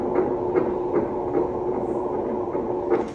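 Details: Fast, soft whooshing pulses at about 155 per minute over a steady hum: fetal heartbeat on doppler monitor at 22 weeks 6 days pregnancy with identical twins.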